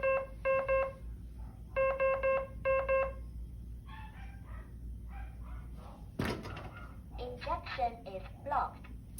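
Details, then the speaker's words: Simulated demonstration with a pretend IV in a mock arm: repeated bursts of rapid high beeps with red flashing light, then a synthetic voice announcing the injection is blocked; syringe pump occlusion alarm signalling blocked infusion flow. "okay so she's telling you that your injection is blocked if you can't hear her it's okay because you're looking at your red alarm"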